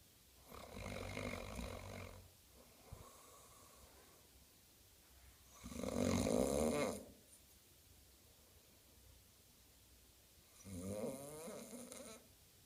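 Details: Funny snoring from someone dozing when meant to be working: three loud, rough snores on breathing in, each about a second and a half, roughly five breaths a minute, with quiet pauses between.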